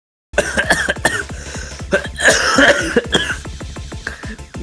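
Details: Adult coughing: repeated short, irregular coughs and throat-clearing bursts, with music playing in the background.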